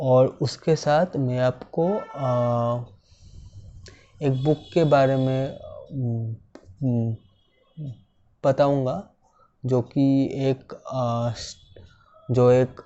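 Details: Speaker who stammers, a civil engineer, speaking Hindi; stammering.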